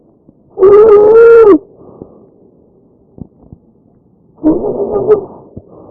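A loud, high-pitched musical tone lasts about a second with one breath, followed by a softer, rougher noisy phase with the next. This is tracheal stridor, turbulent airflow through a narrowed upper airway or trachea.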